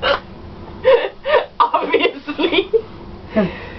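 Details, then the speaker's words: Persistent hiccups that won't stop, in a woman who says she can't breathe while still hiccuping. "it means I can't breathe and then I still I'm still hiccuping and I don't know what to do"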